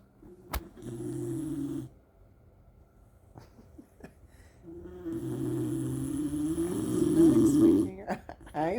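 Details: Pet snoring loudly on a lazy morning, which the owner says seems to be awake while snoring: long, buzzing, low breaths with a rattling flutter, two drawn-out snores in a quiet room.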